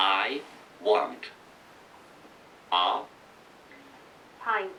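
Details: Adult about 2-3 years after a stroke, with significant expressive language difficulties, verbally repeating phrases built on an iPad AAC communication app; expressive aphasia.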